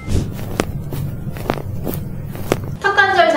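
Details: Low, gritty grinding with a few sharp clicks each time the mouth opens or closes: temporomandibular joint crepitus, described as millstone-like grinding from bone wear in chronic jaw joint disorder with a displaced disc.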